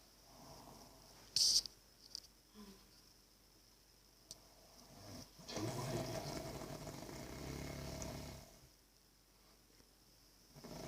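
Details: Adult man, a frequent snorer, making an unusual snore likened to farts: one long, rough, fluttering snore lasting about three seconds between quiet pauses.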